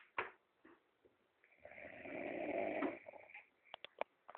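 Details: Man asleep on the floor: a long rattling snore on the in-breath, with soft snorts and clicks around it; ordinary snoring.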